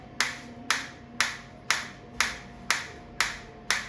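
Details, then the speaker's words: Focused shockwave therapy device applied to the operator's own hand at minimum intensity, frequency 120, 1500 shots selected: sharp regular clicks at about 120 per minute with a faint steady hum as pulses fire. "मैंने अपने hand पे लगाया। आप देख सकते हैं focus stock आ रही है मेरे को। इंटेंसिटी अभी मिनिमम है।"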